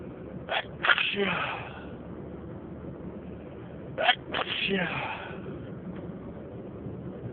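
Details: Two explosive sneezes with a sharp intake of breath before each, about three seconds apart, over steady road noise while driving in a car; part of a long sneezing fit.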